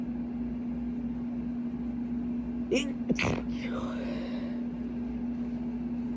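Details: Stifled sneezes deliberately induced: a couple of brief, muffled sneeze bursts held back against a steady, loud air-conditioner hum.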